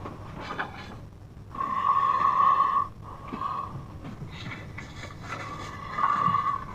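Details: Very loud snoring recorded from a sleeping brother, with buzzing, rattling breaths in repeated bursts; heavy snoring.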